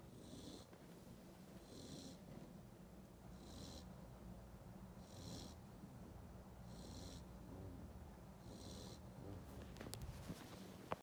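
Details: Cane Corso puppy snoring: soft, regular snoring breaths, about 35 a minute, with a faint whistling hiss on each breath; quiet room.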